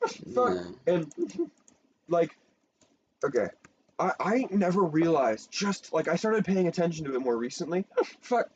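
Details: Person who says they have Tourette syndrome; frequent censored interjections likely vocal tics, possibly coprolalia, during ordinary speech: Tourette syndrome (vocal tics)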